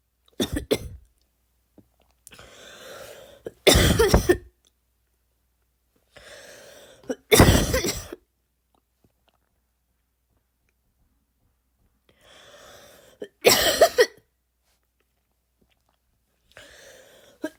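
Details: Adult imitating a barking cough (not a real patient): four loud, harsh coughs, each preceded by an audible breath in.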